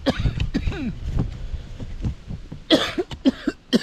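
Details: An adult at a sputum-collection cough zone for patients' lab samples gives a series of short, sharp cough bursts, some in quick clusters, with faint room noise between them.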